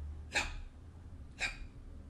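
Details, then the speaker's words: Spoken vocal imitation of the first heart sound (S1) in a cardiology lecture: two short breathy bursts about a second apart. S1 is produced by closure of the mitral and tricuspid valves as left ventricular pressure exceeds left atrial pressure. "this first heart sound is produced as i told you by the closure of the tricuspid and the mitral valves and this happens when the left ventricular pressure rises above that of the left atrium and that's when the mitral and the tricuspid valves close producing the first hard sound"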